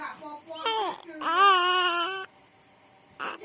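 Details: One-month-old baby with cough and cold, phlegm/mucus, vomited three times that day: short, strained, rough cries, nearly voiceless, with soft breaks between them; hoarse infant cry.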